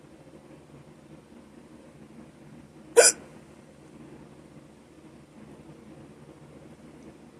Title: Short hiccups - audio only